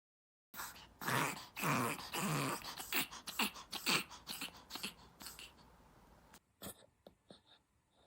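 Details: Dog coughing in a run of harsh, hacking bursts fading into softer, shorter ones; canine cough.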